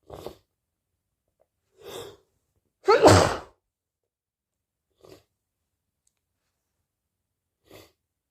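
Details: Late-August sneezing, owner unsure whether from allergies or a cold: one loud explosive sneeze amid a few softer sniffs and breaths in a quiet room.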